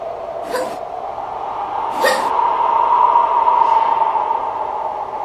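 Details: Likely acted sneezes in a comedy sketch showing different ways of sneezing: two short explosive bursts over a steady background tone.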